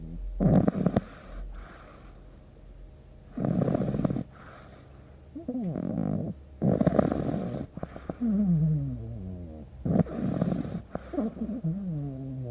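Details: Loud, rhythmic rattling snores from a sleeping pug dog, with short whistling, squeaky exhalations between them, about five breaths in twelve seconds; snoring.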